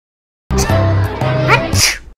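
Short tuneful voiced build-up ending in a sharp hissy burst; a cartoon-style sneeze over music.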